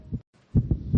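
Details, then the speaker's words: Quick, deep, thudding heartbeats after a short pause, presented in a radio advertisement as a young child's racing heart from the stress of moving foster homes; rapid heartbeat, not a clinical recording. "This is the sound of a racing heart. It's beating a little faster because it belongs to a young child."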